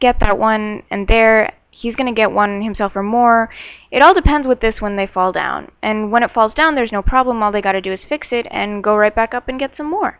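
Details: Adult speaker; fluent aphasia.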